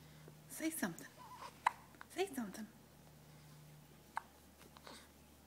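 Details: Infant hiccups: two clear, sharp, brief catches, likely with fainter ones between, under soft adult Dutch talk in a quiet room.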